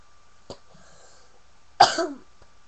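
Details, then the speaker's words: Sick girl, sharing illness with someone staying with her, coughing: a faint short cough, then one loud harsh cough with a rough trailing sound, in a quiet room. "now I got her sick and now we're both sick and now we're both coughing our brains out of our noses like okay we're just both really sick"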